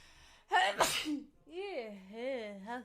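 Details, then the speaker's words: One loud, forceful sneeze from a girl wearing a headset, powerful enough to knock the headset off, followed by a drawn-out voiced sound. "oh my headset flew off my sneeze was so powerful"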